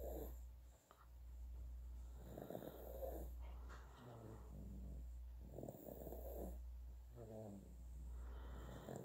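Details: Soft, rattly snoring breaths, about 19 a minute, over low room hum from a sleeping 9.5-month-old infant who is also drooling; mild infant snoring.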